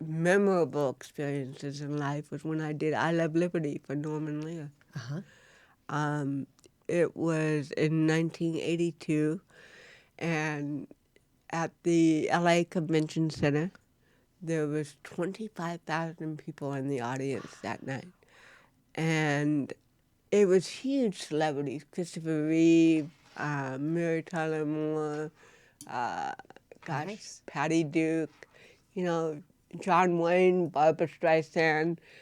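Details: Adult woman, an actress with cerebral palsy since birth, diagnosed at 18 months. Finding: dysarthria due to cerebral palsy.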